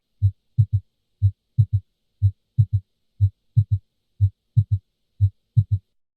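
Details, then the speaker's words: S3 gallop, classically loudest at the cardiac apex: regular low-pitched heart sounds at about 60 a minute with an extra early diastolic sound, giving a "Kentucky" rhythm. "Kentucky, Kentucky. That's what heart sounds sound like with an S3 present."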